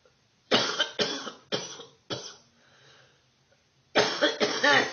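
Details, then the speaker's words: Adult's bad first-thing-in-the-morning coughing fit: a run of four harsh coughs, a short pause with a breath, then two more coughs; cough. "Oh. Oh. Cough's bad this morning. Oh."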